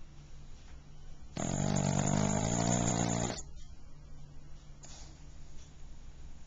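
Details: Pug recorded in 2009 with a Flip Video camcorder: a loud, buzzing, fluttering snore lasting about two seconds, then quieter breathing; snoring.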